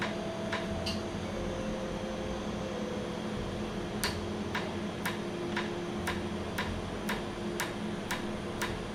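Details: Tattoo removal laser firing during a real treatment session after 30–45 minutes of numbing: steady machine hum with sharp regular snapping clicks about twice a second, the laser pulses.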